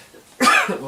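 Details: A single short, harsh cough from an adult recovering from a fairly severe lung infection, who says he coughs a lot; it bursts out after a quiet moment.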